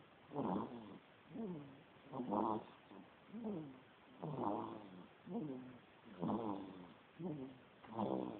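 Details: Sleeping baby snoring in the morning: soft rhythmic snoring, each breath a rattly flutter followed by a whistling note, about 15 breath cycles a minute.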